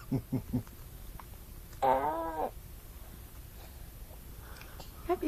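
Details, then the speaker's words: Baby with hiccups while being talked to: three short, abrupt vocal catches, then a longer baby vocalization in a quiet room; infant hiccups. "I did I get you you got the hicups you got the hiccups huh"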